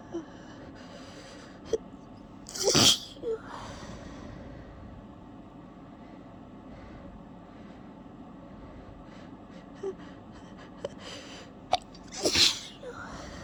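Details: Two wet, forceful sneezes about ten seconds apart, stifled while trying desperately to hold back a sneezing fit, with small sniffs and catches between them over a low vehicle hum; sneezing.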